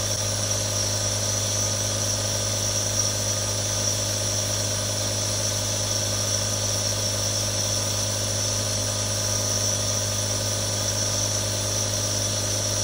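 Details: Real sounds from one of three different nebulizers: a steady mechanical hum with a continuous hiss, the even drone of the compressor running without pause.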